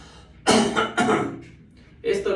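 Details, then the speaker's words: Patient asked to cough once or twice with shirt removed before chest auscultation with a stethoscope, to clear any airway obstruction or mucus: two deliberate coughs followed by a breath; voluntary cough. "Una vez que el paciente se retire su camiseta, tenemos que solicitarle que tosa una o dos veces. Tosa, por favor."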